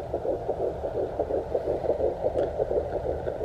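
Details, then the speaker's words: Rapid, regular whooshing fetal heartbeat on a home fetal Doppler at about 168–175 beats a minute in a twin pregnancy; normal fetal heart rate. "So that's literally our first time hearing the baby's heartbeat. It's amazing."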